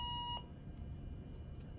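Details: Syringe pump delivering Flolan via an Aerogen nebulizer to a ventilated patient (demonstration), set to continuous mode: a single steady electronic beep as the start button is pressed, then a low room hum; infusion pump start beep.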